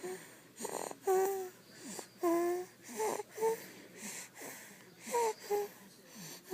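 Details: Baby napping on her mother snores: rapid breaths, about 50 per minute, with high whistling, squeaky, wheezy tones during sleep; snoring with whistling noises.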